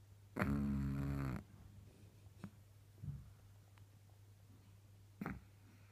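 One long, loud, rattling snore on an in-breath, then quieter snorts and breath noises over a steady low hum.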